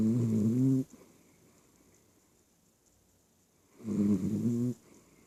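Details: Two loud, rough, drawn-out snores separated by about three seconds of quiet: snoring.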